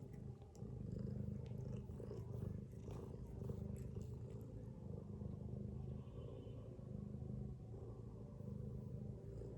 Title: Mother cat snoring with her kittens | Beautiful Cute Cat Family